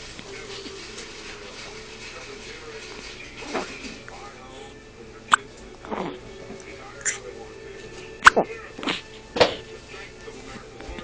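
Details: Two-day-old newborn with hiccups: several short, sharp gulping bursts at irregular intervals, about eight in eleven seconds, over a steady background hum.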